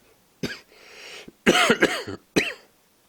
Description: this is my second coughing vid